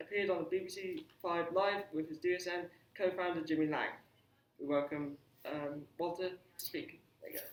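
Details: Adult speaker; ordinary speech.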